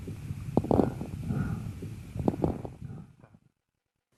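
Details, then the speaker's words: Lung auscultation with a stethoscope, crepitation: soft breath sounds with fine, brief crackling pops scattered through inspiration, then silence and a short burst of another sound. "после покашливания крепитация может быть выслушан а на 1 и 3 стадиях крупозной пневмонии при бронхопневмонии"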